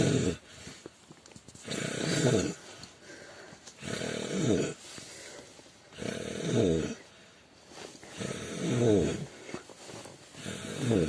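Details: A stranger snoring while asleep in a car: loud, rough, rattling snores with each breath, about five in eleven seconds, with quieter breathing between them.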